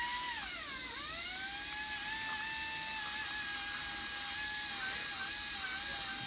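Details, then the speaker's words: Steady high-pitched dental handpiece whine dipping briefly under load while polishing a composite filling smooth after the bite was checked for group function on the right side. "so the final stage is just the polishing of the of the composite okay"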